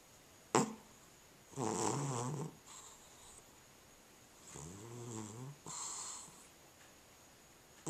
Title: Cat Snoring